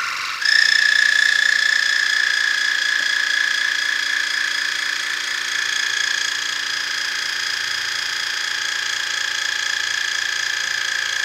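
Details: Ear irrigation with a modified Waterpik for impacted earwax blocking both ears: steady high-pitched whine of pulsing water jet rising as pressure is turned up; patient checked for dizziness.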